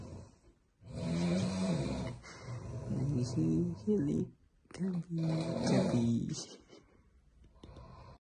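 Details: Two people snoring at night, entered in a snoring contest: loud, rumbling, irregular snores with throaty vibration and brief pauses between breaths.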